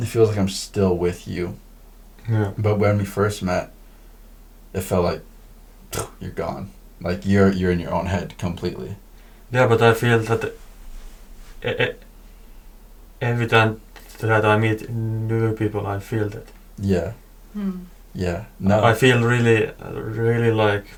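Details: Male podcast speaker who stutters; part-word and word repetitions; stuttering.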